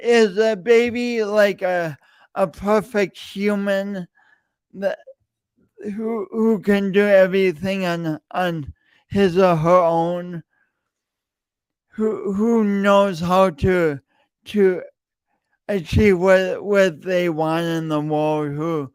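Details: Adult man with a self-reported speech impediment, present for years and audible whenever he speaks; stuttering with word repetitions.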